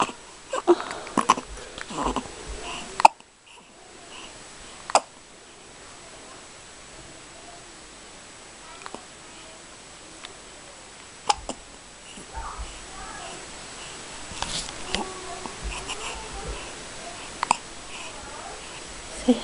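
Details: 5-day-old newborn boy, wide awake after a big feed, hiccuping: sharp, brief catching sounds recurring every few seconds in a quiet room, with soft infant noises between them; hiccups.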